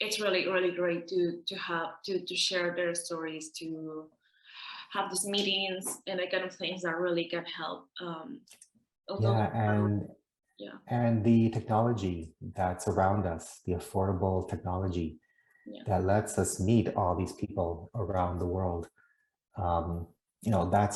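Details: Adult man from the Netherlands who stutters, heard with audible repetitions such as "i i i'm" and "that that"; stuttering.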